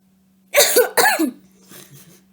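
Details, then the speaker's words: Demonstrated controlled cough by a volunteer sitting upright: deep breath in, lean forward, breathe out and cough. A short run of deliberate, forceful coughs after one breath, then quiet. Technique used to clear mucus, e.g. after surgery. "good good working very good and that is pretty much the controlled coughing"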